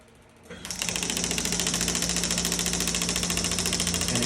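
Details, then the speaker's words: Shockwave therapy device firing during treatment at high frequency: starts up, then rapid even percussive pulses about 210 a minute, with almost 500 of 2,500 percussions used. "again the Piston gets stuck and and again you're just going to to cover that entire area you have 2 500 percussions all together I've used almost 500"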